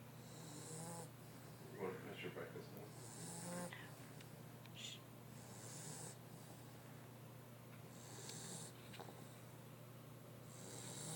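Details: Repeated rattling, snorting breaths in a regular rhythm over steady room hum from a sleeping Mastiff; snoring.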